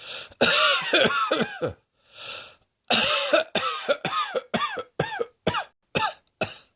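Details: A run of about ten sharp, harsh coughs in quick bursts, separated by brief breaths; repeated coughing.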